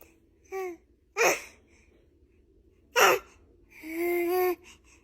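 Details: Infant sneezing: two short, sharp sneeze bursts between brief high-pitched baby vocal sounds.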